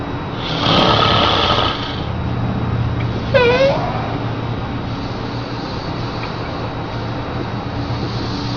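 A loud, rough adult snore over a steady low rumble, then a brief high-pitched squeal from an infant; snoring.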